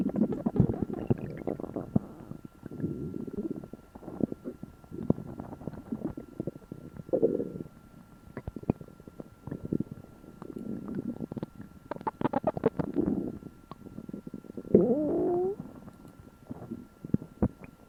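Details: Loud repeated low gurgling and rumbling from the stomach after eating for the first time in a while; borborygmi.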